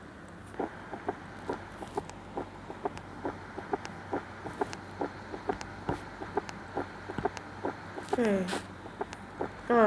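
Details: Third heart sound (S3 gallop) played as a teaching demonstration of abnormal heart sounds during a nursing cardiovascular physical examination lesson, contrasted with normal heart sounds.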